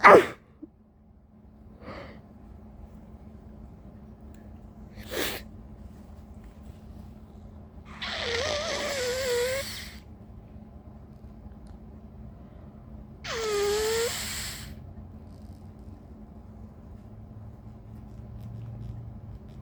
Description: Had a sneezing fit, followed by two intense coughing fits. 😫🤧